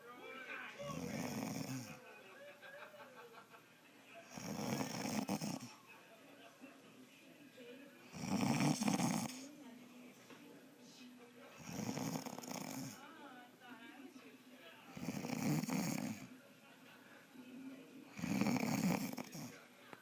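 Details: Adult woman asleep: loud, regular snoring at about 10 to 11 breaths a minute, with a rattling vibration on each inhale.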